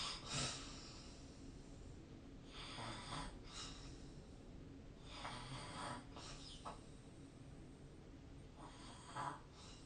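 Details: Snoring recorded during sleep on 2025/03/24 with the SnoreLab snoring app: repeated harsh, fluttering snores with snorting breaths, about four breaths in ten seconds, faint background hiss.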